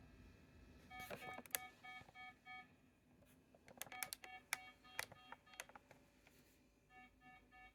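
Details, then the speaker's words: Pulse oximeter alarm as SpO2 drops below the 89% threshold in a nonresponsive female patient with 22q11.2 deletion syndrome during a dystonic storm with seizures and bradycardia. "Nonresponsive stimuli oxygen stats have just dropped below threshold 89%."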